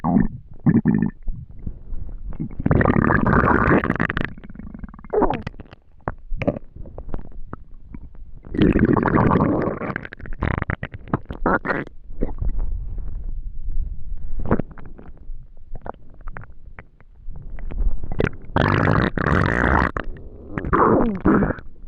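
Loud gurgling, rumbling abdominal sounds in bursts: ordinary hunger borborygmi from gas and fluid moving through the gut.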